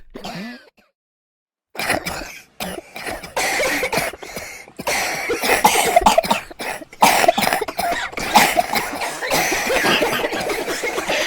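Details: Several passengers on a Metro North train coughing repeatedly and clearing their throats, with crowd and train noise behind.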